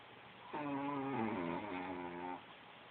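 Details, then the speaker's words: Chihuahua named Taco snoring while sleeping, keeping Bella awake. "Is that you, Taco, making all that noise? Yeah, just like your daddy?"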